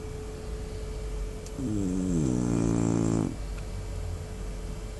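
A single loud, rattling, buzzy snore lasting about two seconds against steady room hum: snoring.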